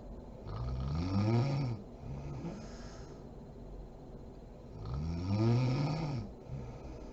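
Two rough, rumbling snores on the in-breath, with quiet breathing between them: ordinary snoring during sleep.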